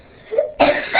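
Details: 8-year-old girl with pertussis (whooping cough), weeks ill: forceful, harsh cough burst after a brief faint tonal intake of breath; no clearly defined whoop, typical of older children.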